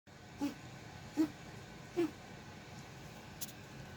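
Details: Pet named Sprite gives three brief, soft, evenly spaced cough-like bursts in a quiet room: cough.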